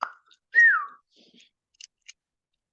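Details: A 22-year-old woman with Tourette's syndrome and dissociative seizures, speaking in an interview, has a whistling vocal tic: a brief, sudden falling whistle between pauses in conversation.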